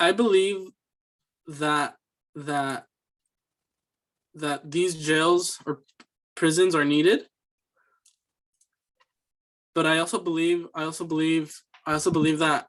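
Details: Student's fluency speech sample for a communication disorders class, answering interview questions: stuttering with repeated words and phrases (disfluent speech).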